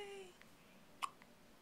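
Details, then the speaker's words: Newborn girl on her first day of life, her first case of hiccups: a single short, sharp hiccup with faint murmuring nearby. "That's her first case of the hiccups."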